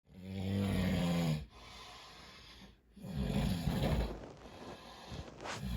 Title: Man Snoring 💤 with a cold..